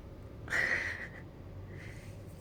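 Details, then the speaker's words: Stomach growling (borborygmi) in a hungry one refusing to eat: a brief, high, squeaky gurgle with a faint second one. "ได้ยินเสียงมยทุกคนท้องร้องแต่ไม่กินข้าวว่ะอ"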